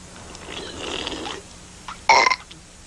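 Drawn-out rasping belch followed by a brief louder burp, from a cartoon soundtrack.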